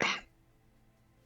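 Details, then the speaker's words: A single short, harsh cough burst from an adult man, a former smoker, who says he has bronchitis: cough. "As you can hear, my coughing comes from early cancer now. It's a joke, but I have a bronchitis."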